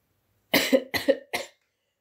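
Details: Adult woman with a cold, in an ASMR roleplay: three short, moist coughs in a quick run; cough with a common cold.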